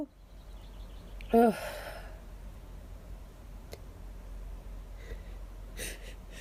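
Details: Hay fever sufferer out of medication, itchy and lightheaded after a run of rapid sneezes; one sharp, forceful sneeze burst, then quiet room noise.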